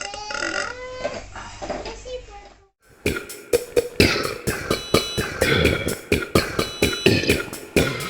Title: Burping Compilation February 2023 #2 | RBC